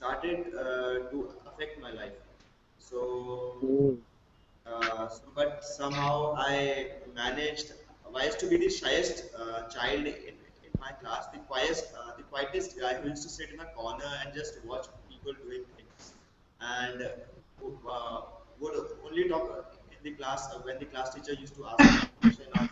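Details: Male college student who has stammered since about class one, possibly triggered by frequent childhood hospitalization; blocks, especially on his own name, reduced with practice; stuttering.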